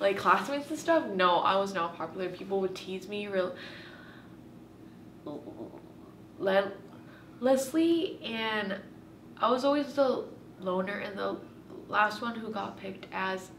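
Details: Woman who has stuttered since she started talking and still blocks on the same letters; stuttering.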